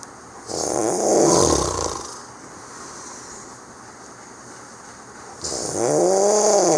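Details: Snoring while asleep, recorded over the Christmas holidays: two loud, rough, rattling breaths about five seconds apart, with a steady hum in the background. Snoring.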